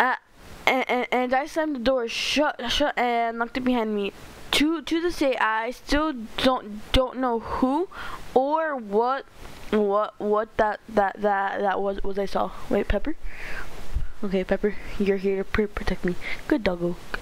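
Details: Stuttering in a male narrator reading a story aloud; he says he stutters a lot and reads badly.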